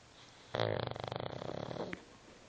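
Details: A single long, rattling snore with a fluttering, vibrating quality and a soft snort at the end; snoring.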